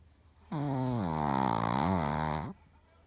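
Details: Sleeping Shih Tzu snoring: one long, buzzing, tonal snore lasting about two seconds, with a wavering pitch.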